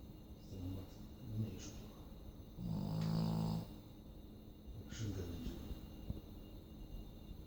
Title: Snoring dog /chrapiący pies